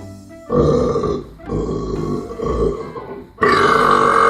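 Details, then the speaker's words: Deliberately performed burp styles: several loud, deep, drawn-out rumbling belches in a row over background music. "The polite burp. Excuse me. The not so polite burp. Excuse me."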